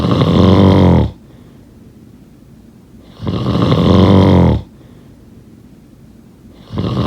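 Loud, buzzing, low-pitched snores on each in-breath, about 17 a minute, separated by quiet out-breaths in a still room; ordinary snoring.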